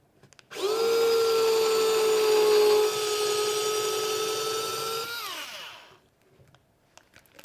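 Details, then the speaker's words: OnControl powered bone marrow driver performing a core bone marrow biopsy in a demonstration: steady high drill whine for about five seconds, falling as it winds down, driven in one smooth movement down to the marker. "prepare your patient again by telling them they're going to feel a little bit of pressure and also that they're going to hear the noise again as you go in"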